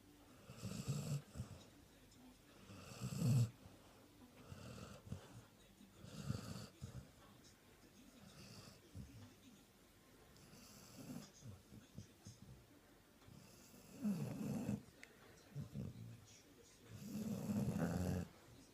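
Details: Sprollie dog napping after a big Christmas Day meal, snoring very loudly: low rattling snores with each breath, about six in under twenty seconds, with quiet gaps between.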